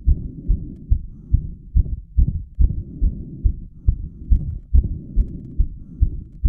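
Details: Self-recorded heart straight after squats pushed heart rate to 180 bpm; fast, regular thudding beats around 140 a minute, with a prominent apex beat and described heart murmuring; tachycardia after exercise.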